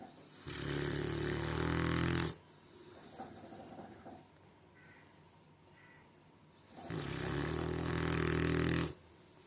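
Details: Snoring in deep sleep by one called 'Chennai ponnu', heard as a large dog: two long, loud, rumbling snores with a quiet pause between them.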